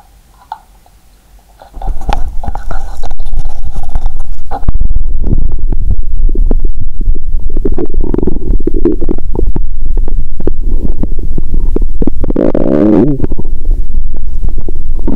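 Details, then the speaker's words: Stomach sounds through a stethoscope after eating Mentos with cola: loud, continuous low gurgling and bubbling with rumbling bursts, active bowel sounds from gas. "The growl of my stomach is amazing."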